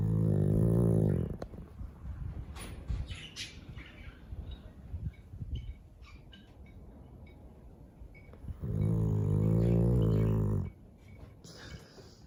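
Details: Chow Chow dog snoring: two long, loud, rumbling, vibrating breath sounds with a quieter stretch between them.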